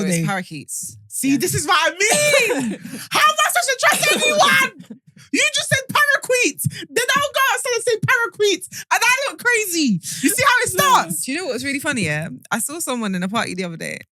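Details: Adult women talking, podcast conversation; Normal conversational speech.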